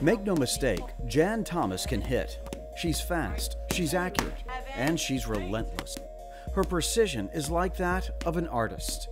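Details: Adult narrator; normal speech.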